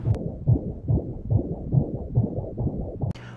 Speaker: Mais disons àentour de 20 jours, on peut entendre les premiers battements de cœur.